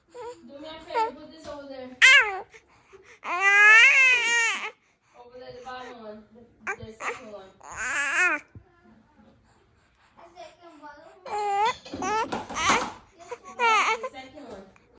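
Fussy, wailing cries with rising and falling pitch, broken by brief pauses and babble; an infant's cry.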